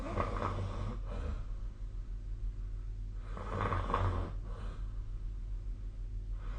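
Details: Sleep snoring recorded with a snore-tracking app: rough, rattling snores with each breath, about 18 a minute, over a steady low room hum.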